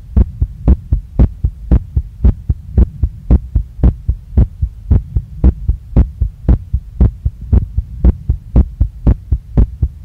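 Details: Woman's heartbeat recorded right after a workout with her hand on her chest, very strong and pounding, felt in chest, neck, face and stomach, not calming down. Fast, regular, forceful beat near 115 a minute, paired thumps: sinus tachycardia after exercise.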